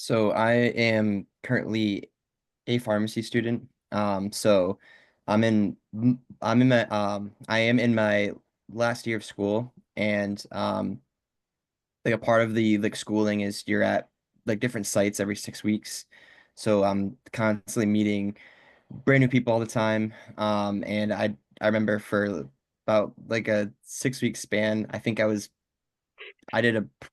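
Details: Covert stuttering in a male pharmacy student in his final year who hides his stutter; pauses and fillers; stuttering (covert).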